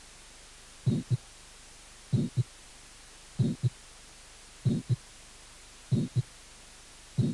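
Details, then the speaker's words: Innocent murmur: a brief, vibratory early systolic murmur of innocent type. "y y y otro soplo proto sistólico breve inocente i 1 sopló prothom eso es histórico vibratorio de estilo inocente"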